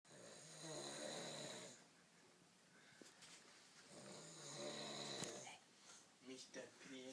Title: Snoring in a differnt view........